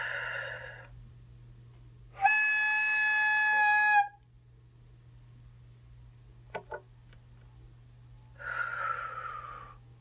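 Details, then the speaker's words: Flexhaler patient trainer used by the patient during a demonstration: a steady, high, flute-like whistle of about two seconds over quiet room sound. It signals a correct sharp, deep inhalation. "Now you want me to do the device with the whistle? Yes. Ok."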